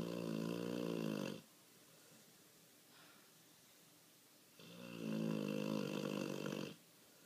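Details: Sleeping dog in full snore mode: two long, loud, rattling snores with a quiet pause between them.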